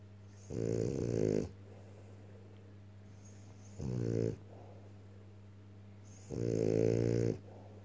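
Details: French bulldog snoring: three loud, rumbling snores on the in-breath, each about a second long, separated by quiet pauses, with steady low room hum behind.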